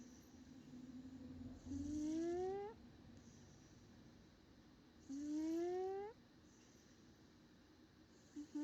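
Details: Indy snoring on a rainy evening: two soft, rising, whistling snores about three seconds apart during slow sleeping breaths, over light room hum.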